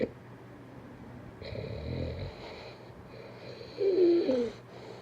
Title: 2minutes snoring 😴